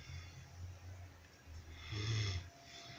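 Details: Low rumbling snore with a hissy, breathy edge over about three seconds; snoring.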